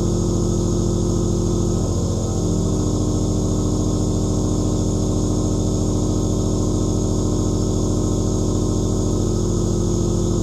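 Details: Steady low motor hum with a rapid regular buzz: the continuous sound of a compressor nebulizer producing aerosol.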